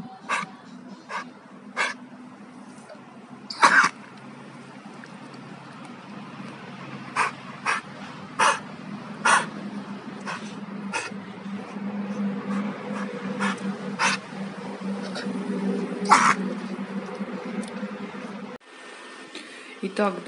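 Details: A male dog that caught kennel cough during three days at a boarding hotel, treated with amoxicillin injections and Biseptol 480, gives repeated short, harsh coughing and hacking bursts; kennel cough.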